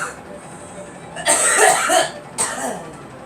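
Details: Girl coughing: two harsh cough bursts over steady background noise.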